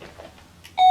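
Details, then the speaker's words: AliMed cordless fall-risk patient alarm: a quiet room, then a sudden loud electronic alert tone when pressure is removed from the sensor pad. "When in use and pressure is removed from the sensor pad, the monitor will emit an alert."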